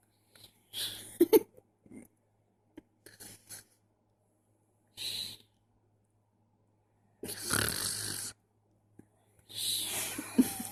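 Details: Sleeping newborn's irregular noisy, snuffly breaths with short rattling bursts and pauses over a low steady hum; snoring-type noisy breathing in a newborn.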